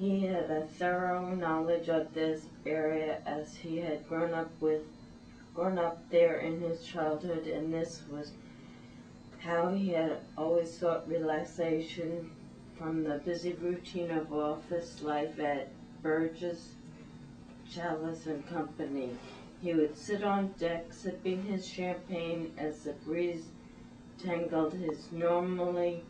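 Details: Ataxic dysarthria in a patient with spinocerebellar ataxia type 6 (cerebellar ataxia), reading a passage aloud during a neurological examination.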